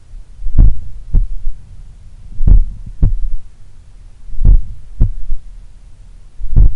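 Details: Slow, powerful heartbeat near 45 a minute recorded at the apex in the morning lying on the left side; each beat followed by a soft low extra thud early in diastole, a third heart sound (S3), attributed to blood recoil or a slightly larger/supple left ventricle.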